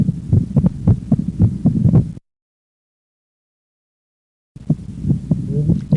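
Regular low heart sounds with a silent gap midway. The second heart sound is single on breathing out and splits into two close components on breathing in. This is physiological splitting, a normal finding caused by the delayed closure of the pulmonary valve during inspiration.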